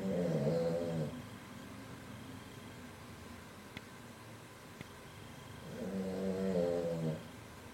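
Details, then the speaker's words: Sleeping pet snoring in the background, two long rumbling snores separated by a quiet pause of about five seconds; snoring. "voilà et vous entendez toujours hermè qui ronfle"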